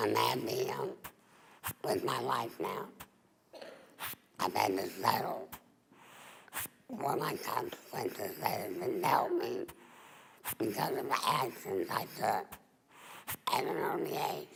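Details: Woman, former smoker of 23 years, speaking in 2012 with a laryngectomy voice device after removal of her voice box; alaryngeal speech after total laryngectomy.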